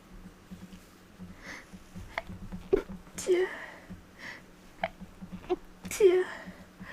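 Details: Person who thinks they are getting sick, sneezes more rapid than normal, labeled allergic sneezes: several soft, abrupt sneezes with sniffing between, in a quiet small room.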